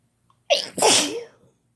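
One loud sneeze: a quick inward catch followed by a forceful hissing burst that fades out.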